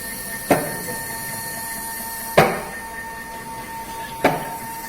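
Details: Prototype automated Ambu-bag ventilator cycling: a steady machine hum with a sharp puff or click about every two seconds.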